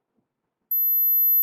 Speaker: 12kHz 들리시나요? 안 들리시면 60대일 가능성이 있습니다.